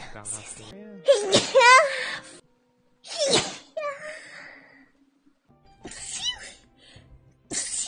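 A couple of high-pitched, squeaky sneezes among vocal sounds, with background music.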